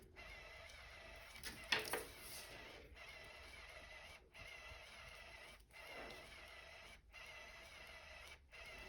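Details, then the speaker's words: Soft mechanical whirring broken by brief regular pauses about every 1.4 seconds from a CADD Solis VIP home infusion pump priming its tubing, small air bubbles moving through the line onto a paper towel. "So I'm just going to let this prime out on my paper towel. Here's where I'm watching this right here. And as you can see, these little bubbles are coming, but it's not enough to even cause a drip to come out."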